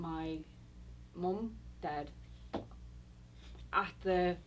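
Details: Woman about 6 years after a stroke that initially left her paralyzed and unable to speak, with limited therapy since; moderate Broca's aphasia.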